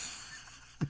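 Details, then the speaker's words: Snoring: one short, low snorting burst at the end of a quiet room, the biggest snore from Cooper, a sleeping cat, during a soft-spoken conversation. "I don't know if you guys heard that. Cooper just made the biggest snore noise you've ever heard."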